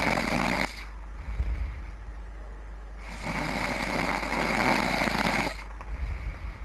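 Loud, rough, rattling snores with each breath, long harsh inhalations separated by quieter exhalations; heavy snoring.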